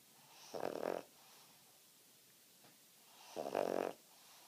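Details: Two short, buzzing snores about three seconds apart with quiet breathing between, from a sleeping male dog named Finley.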